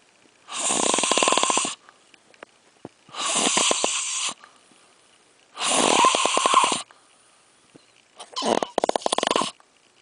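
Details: Loud, harsh, fluttering snores in regular cycles, about 22 a minute, with silence between breaths, from a sleeper called a "snoring bear", recorded during a puppet show; snoring.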